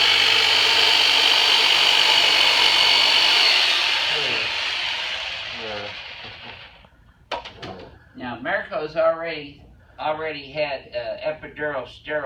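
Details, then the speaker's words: Percussive massage device used for deep tissue work during chiropractic treatment of persistent low back pain after L5 herniated disc surgery and ineffective injections: loud steady buzzing whir for about seven seconds, winding down, then quiet talk. "we're going to use the turbinator on you for the very first time so just it's going to be some deep tissue work so just breathe and relax"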